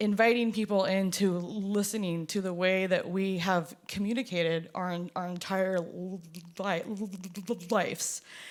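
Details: Performer who stutters, with audible part-word repetitions; stuttering.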